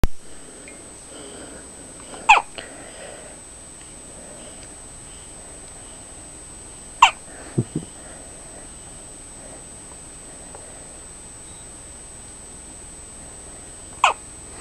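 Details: Newborn baby with hiccups; four abrupt, sharp hiccup sounds at irregular intervals over about fifteen seconds in a quiet room.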